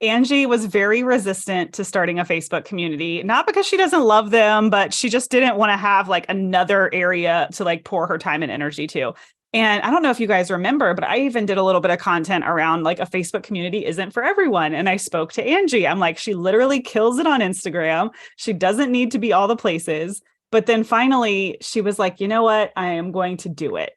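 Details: Adult woman speaking; Normal speech.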